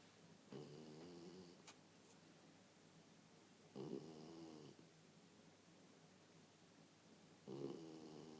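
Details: Vika, a West Highland terrier, sleeping and snoring in rhythmic buzzing bursts, about 16 breaths a minute, in a quiet room.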